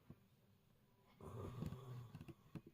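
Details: Father snoring in the background of a quiet room while his child talks: faint, low rumbling snore with brief snorting noises.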